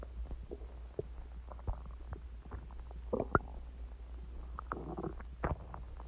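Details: A self-recorded stomach about an hour after eating eggs and ice cream and drinking Coke, with frequent gurgles, pops and low rumbling loud enough to hear: active bowel sounds (borborygmi).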